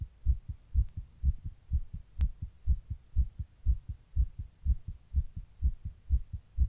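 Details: Heart recorded while sitting in 100-degree heat during a heatwave: rapid, regular lub-dub heartbeat at roughly 120 beats a minute, a fast heart rate.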